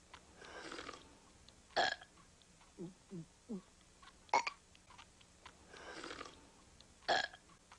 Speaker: we're having a burp contest mom well knock it off I do not allow burping in this house